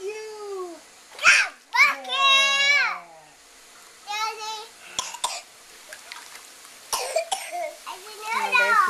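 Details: Coughing.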